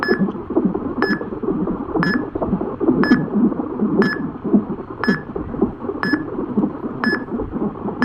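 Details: Fetal heart sounds on a Doppler monitor: rapid whooshing fetal heartbeat with a steady electronic beep about once a second.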